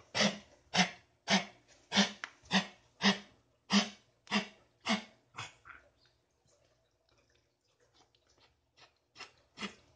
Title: coughing